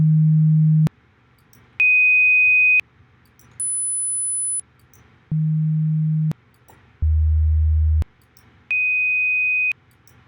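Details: Hearing test recording for a Human Computer Interaction project: a series of steady pure tones of about one second each, pitches changing from low to very high, with pauses between; hearing test tones.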